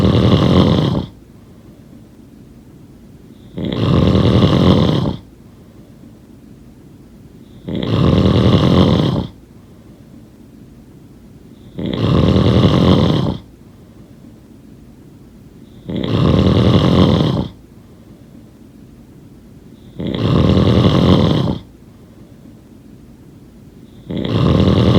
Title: Snoring sound…